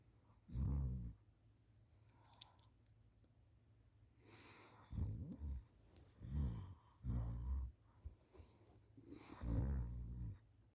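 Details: A schoolchild asleep on the couch after school, recorded by a parent: repeated low, rumbling snores with each breath, separated by quiet pauses; ordinary snoring.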